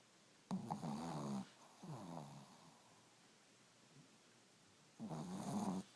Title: 2 Dogs snoring super loud!